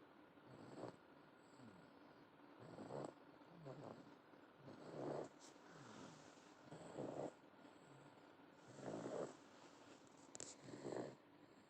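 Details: 8-month-old snoring: soft, fairly regular snoring breaths about 30 a minute, faintly rattly, with quiet room noise between.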